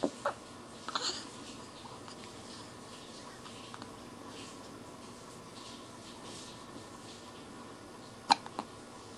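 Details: Hiccups: a few short, sharp hiccup sounds, some close together, in a quiet room.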